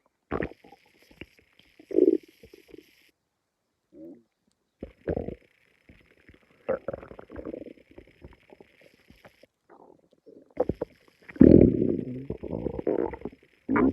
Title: Something doesn’t feel right 🤢💩(stomach growling)